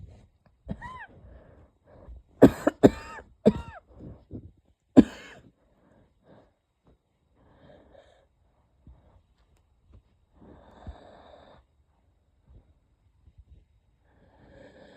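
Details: Light coughs with a thin whistling edge, a couple of stifled sneezes, then quiet breathing; wheezy cough in a person unsure whether it is a cold or an asthma flare-up.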